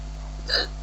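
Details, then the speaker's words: A single brief, sharp hiccup over a steady background hum, heard while someone tries to scare the girl out of her hiccups. "sorry got hicup Mak it look better she hi cups let me try and scare you"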